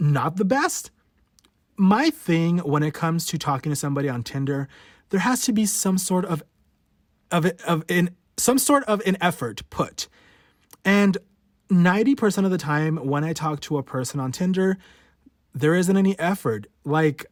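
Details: Adult male podcast host who has stuttered since about age 5 or 6, worse since his teens, showing his real, unedited stutter: stuttering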